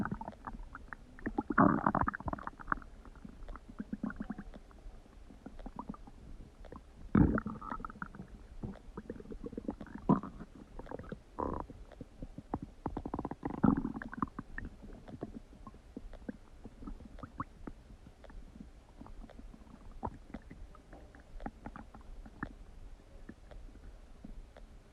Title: Huge Stomach Noises | My Stomach Makes Noises